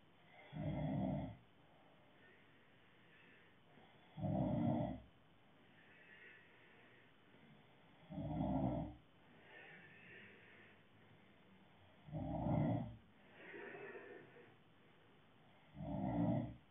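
Regular loud rattling snores on each in-breath, about 15 a minute, with quieter breaths out between them.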